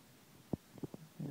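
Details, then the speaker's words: Five-day-old baby girl with hiccups just after a feed, cozy and eyes open: a short, abrupt low gulping sound, then fainter catches and soft noises in a quiet room. "And she's just had a feed, and she's got the hiccups, but she's cozy, and she has her eyes open, and she's looking all around."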